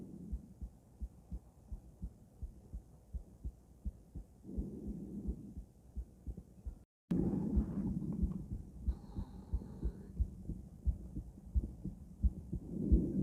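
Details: Female heart auscultated with different stethoscopes at Erb's point, then the mitral, tricuspid, aortic and pulmonic areas: regular heartbeat at roughly 88 beats a minute, with brief rubbing noise as the stethoscope moves. Normal heart sounds.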